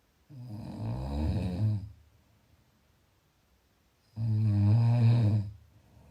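Two loud, low, rattling snores on breathing in, separated by quiet pauses; typical snoring during sleep.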